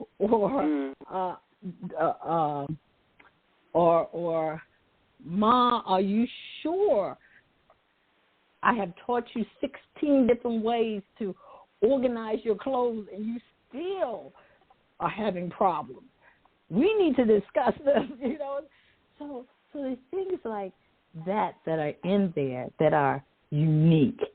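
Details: Adult woman who says she stutters sometimes, with word repetitions; stuttering.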